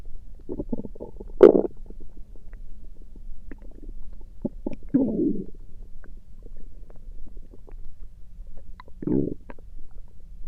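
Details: Stomach noises recorded through the night: irregular gurgles, bubbling pops and short low rumbles from the belly over a faint steady hiss; ordinary bowel sounds (borborygmi).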